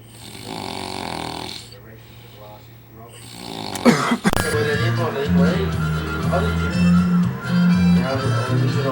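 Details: Deep, rumbling snores over music in an edited comedy clip, not natural sleep, with the snoring put down to drinking too much; snoring.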